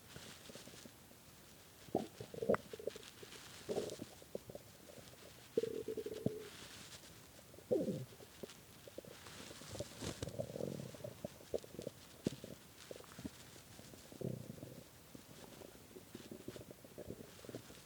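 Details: Hunger stomach growling (borborygmi) at 3 a.m. after skipping lunch and dinner: low gurgling rumbles and squeaky bubbling from an empty stomach, on and off throughout.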